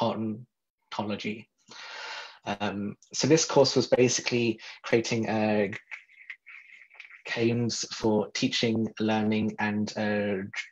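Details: Stuttering in an adult man who identifies as a person who stutters and develops virtual reality tools for stuttering.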